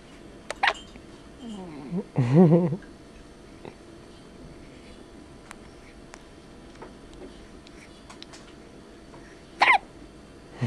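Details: Baby boy who hiccupped often in the womb and still does: about three abrupt, squeaky hiccup catches over ten seconds, with faint room noise between; infant hiccups.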